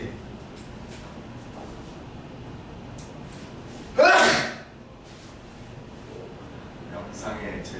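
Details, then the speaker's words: Sneeze caught during a high-school biology lesson recording: a single loud, explosive sneeze rising sharply and fading over about half a second in a quiet room. "재채기 소리 들어가네."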